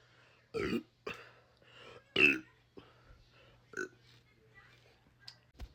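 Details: Burping: several loud, gurgling belches in quick succession with a few softer ones; repeated belching.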